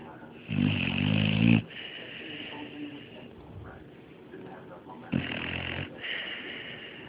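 Two loud snoring breaths from a game character, each ending in a whistling tone; a playful imitation of snoring, not a real sleeper.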